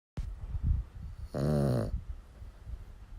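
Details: Dog's low snuffling breaths with one loud, buzzing snore lasting about half a second; snoring.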